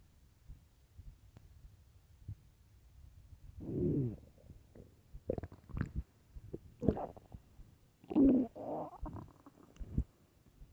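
Low gurgling and rumbling bursts over a quiet background: stomach growling from hunger, a normal bowel sound.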